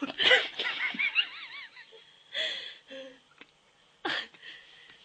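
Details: Giggling broken by sudden sharp, squeaky breath catches; hiccups.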